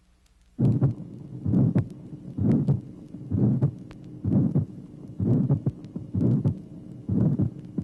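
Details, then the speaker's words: Teaching heart recording from 1967, tracing 10: regular heartbeat near 64/min with a diamond-shaped, rising-then-falling mid-systolic ejection murmur originating at the aortic valve. "tracing number ten another amid the systolic ejection murmur originating in the aortic valve note the characteristic diamond shape of this murmur"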